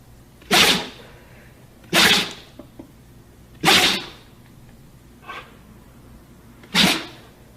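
Four sharp, hissing nasal bursts about a second apart, plus one faint one: repeated sneezes from a dog.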